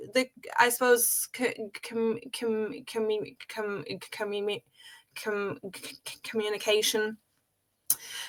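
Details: Adult woman who has stuttered since age five, in natural conversational speech. Stuttering.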